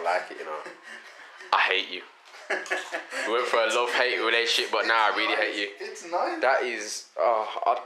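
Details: Adult male speaker; normal voice.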